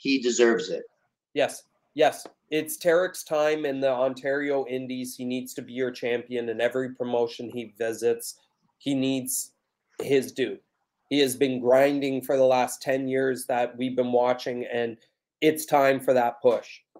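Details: Adult man speaking; ordinary speech.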